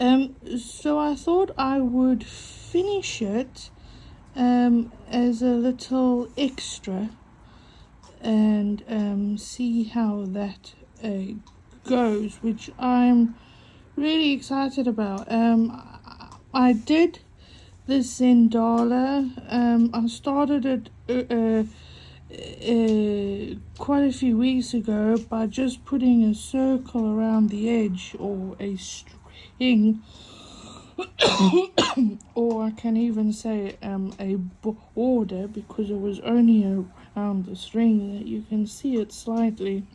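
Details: Adult woman with a self-reported stutter affecting mainly vowel-initial (A, I, O, U) and W words, making long words hard; she copes with breathing techniques and a stuttering device on her phone; stuttering.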